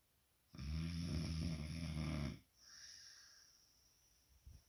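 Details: Snoring during sleep: a loud, deep, rattling snore on breathing in, then a softer hissing breath out.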